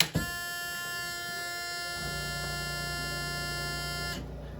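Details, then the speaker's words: Stationary home oxygen concentrator at switch-on: a loud, steady buzzing tone for about four seconds, then it stops; a normal one-time start-up alarm that does not recur. "you push that button you will hear that loud noise that is normal and it will show up in about 10 to 30 seconds and it won't make that noise again"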